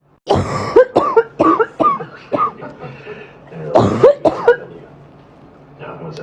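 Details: 32-year-old female, 10 days into an upper respiratory infection diagnosed at urgent care, on antibiotics and steroid, waking from sleep coughing: a cluster of harsh, barky, wet congested coughs, sometimes producing clear mucus.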